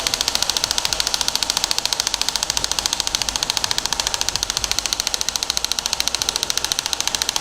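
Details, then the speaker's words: Radial shockwave treatment of the plantar area for plantar fasciitis with a focused head, shifted 15 mm at a time, about 1000 shots at 14 shots per second: rapid, very regular sharp clicking pulses of the device firing. "so we're finished a thousand shots get done really really quickly and 14 shots a second"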